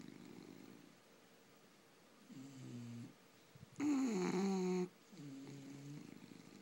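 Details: Sleeping bulldogs snoring: three rasping, buzzing snores with quiet pauses between, the middle one louder and higher-pitched; snoring.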